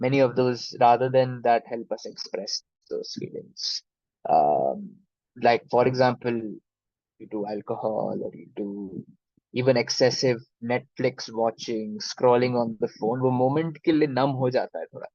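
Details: Adult man from Delhi who stammers, a member of a stammering association since 2015, speaking in a podcast; stuttering.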